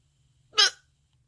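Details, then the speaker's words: Person with multiple sclerosis having frequent hiccup bouts, many a day, suspected to be MS-related: one sharp, abrupt hiccup in a quiet room, a brief involuntary catch of breath. "several hours later oh I haven't had the hiccups the whole time but this is the third or fourth time today that I've had the hiccups not my favorite"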